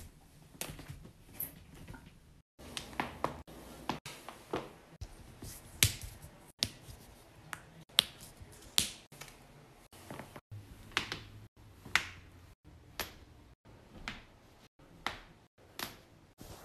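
Repeated sharp pops and clicks, about 24 in 16 seconds, fitting joint cracking in a quiet room.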